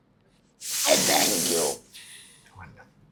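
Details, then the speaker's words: Breathing through the stoma of a man about 2.5 weeks after laryngectomy for vocal cord cancer, previously irradiated; air flows through the stoma when his finger is lifted, speech when occluded. "सो क्या है कि हर बार जब भी आप यहाँ उंगली रखेंगे तब आप बात कर सकेंगे. जब उंगली उठा लेंगे तो फिर यहाँ से सांस आना शुरू हो जाएगा."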